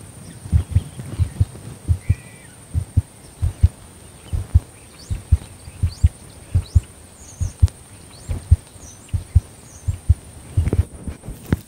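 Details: Heart sounds of a female border collie born November 2014, recorded while she is being settled to lie still: steady paired low thumps, about 70 beats a minute, with faint bird chirps; heartbeat.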